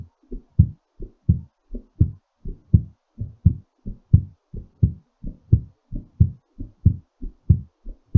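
Strong, regular lub-dub heartbeat at about 87 beats a minute, a normal heartbeat slowing during recovery after exercise.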